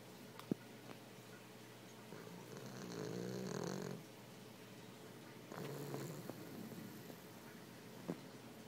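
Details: Boston Terrier snoring while sleeping with eyes open: soft, rattly, snorting snores on two breaths in a quiet room.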